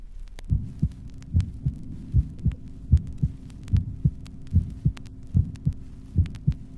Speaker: The normal heart, recorded at the apex. The first and second sounds are clearly audible.